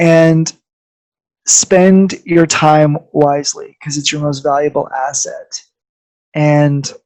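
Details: Adult speaker; ordinary speech.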